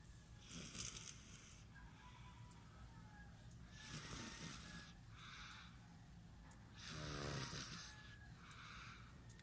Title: snoring baby @ 20months